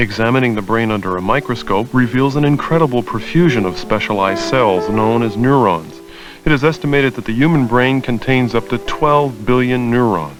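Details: Adult male narrator; normal speech.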